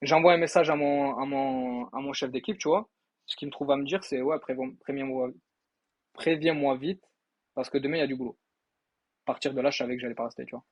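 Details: Acquired stuttering in a 23-year-old man, present since he was electrocuted by an electrical panel; he still stutters a little, especially when facing difficulties.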